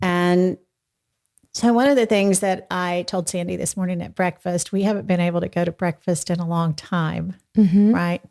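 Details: Adult woman speaking; normal voice.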